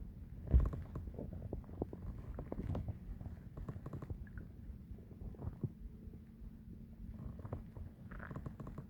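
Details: Continuous low gurgling and rumbling with scattered squelches and pops from loud stomach growling during digestion; bowel sounds (borborygmi).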